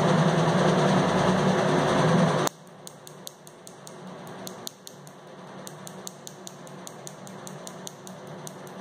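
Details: First Nd:YAG laser tattoo removal session: loud hum stops, then rapid regular sharp snaps about 220 per minute, laser pulses.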